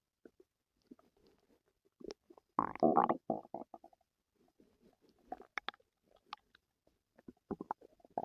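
Irregular gurgling and bubbling rumbles with a louder growling burst, then scattered pops and squelches in a quiet room: active bowel sounds, borborygmi.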